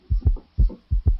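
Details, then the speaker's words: Teaching heart-sound clip: low heart thumps with an extra soft sound just after the second, giving a galloping three-beat rhythm. A third heart sound (S3), physiological with hyperdynamic circulation, as in children, young adults and pregnancy. "Okay. So, what is the clinical correlation of this? So, it is physiologically hurt when there is hyperdamic circulation. For example, in children, young adults and pregnancy states, okay, it is physiological."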